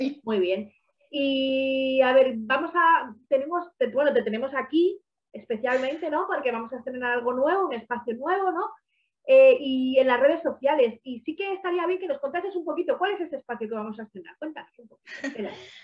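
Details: Adult woman speaking Spanish; typical speech.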